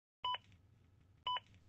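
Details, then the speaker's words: Two-tone ZOLL AED Plus prompt beeps in a Real CPR Help demonstration; the beeps set the chest compression rate and speed up a rescuer who is not pushing fast enough, with voice prompts to push harder when compressions are too shallow. "not pushing fast enough the beeps will speed you up and most important not pushing deep enough the AED Plus will tell you to push harder more than once if necessary push harder until you get it right"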